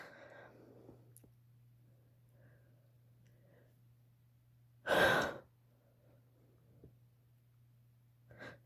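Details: Induced wet sneeze from a female: quiet breathing, then one sharp, forceful sneeze with a smaller burst near the end over a low steady hum.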